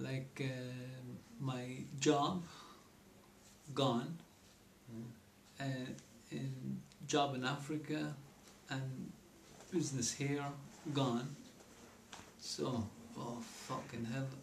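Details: Person with aphasia after a stroke, who lost speech but not memory and could not understand newspaper headlines; aphasia.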